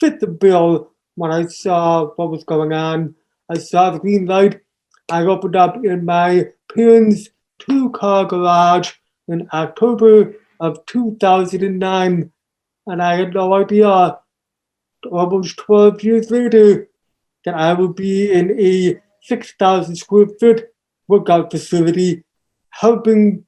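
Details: Deaf speech of an adult man born three months premature in 1976, with congenital hearing loss not found until age two and a half. Taught to listen and speak orally, with unintelligible speech as a child. Also has ADHD.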